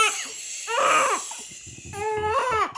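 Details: Short bursts of newborn crying with fussing between them as the baby, who also has a slightly snotty nose, strains to bring up wind; a pet husky is nearby trying to help.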